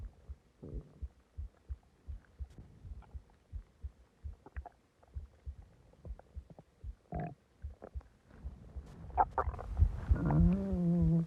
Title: Loud stomach growling and groaning after eating alot and drinking soda